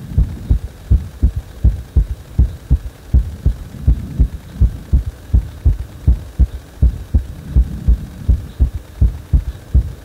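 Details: Heart beating faster on its own after compression: regular, strong low thumps at about 81 beats a minute with a steady background hum; fast heartbeat.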